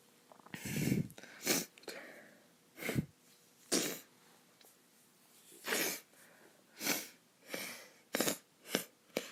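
A run of sharp, explosive bursts of air, about nine sneezes, some with a brief in-breath before them.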